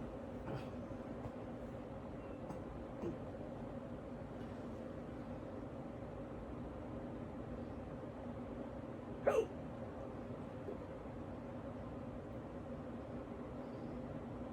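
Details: Person half asleep after waking with an awful case of hiccups and unable to get back to sleep: a few soft, abrupt hiccups spaced irregularly, one louder near the end, over steady room hum.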